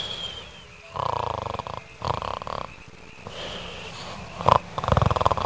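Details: Animated (3D animation) snoring: repeated rough, fluttering snores separated by quieter pauses, with an irregular rhythm. Snoring.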